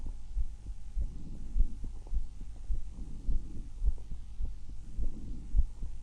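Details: Self-recorded stethoscope auscultation from one of six chest sites: regular low heart thumps with soft breath sounds rising and falling beneath them; normal heart and breath sounds.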